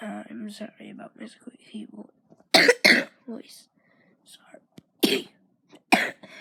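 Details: Brief quiet talking, then about five loud, harsh cough bursts, some in quick pairs, separated by pauses: a repeated cough from a person whose voice has turned squeaky.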